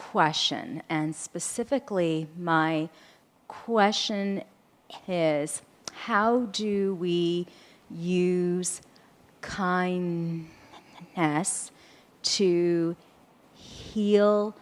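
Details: Adult audience member who states they have a stutter and will take a little longer to finish their question; stuttering.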